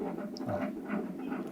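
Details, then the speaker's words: Fetal heart rate monitoring of a woman near the end of pregnancy, done by a midwife in a prenatal unit: fast, rhythmic whooshing Doppler pulses of the fetal heartbeat, said to be doing very well. "ici nous avons notre sage femme Madame Valérie et et a la gestante et ce que vous entendez là ce sont les bruits du cœur de l'enfant"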